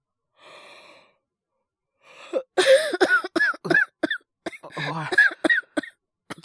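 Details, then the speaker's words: Simulated coughing fit acted by a male voice actor: a gasping breath, then a rapid run of short voiced coughs from a character who breathed in wrong on waking, in a voice drama. "おい。大丈夫。息の吸い方、間違えた。なんだそれ。落ち着け。ゆっくり息しろって。"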